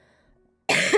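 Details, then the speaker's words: Adult woman with a cold whose cough has worsened, during a live stream; after near silence, a single loud harsh cough burst. "아 죄송합니다 아 죄송합니다 기침이 심해져 가지고"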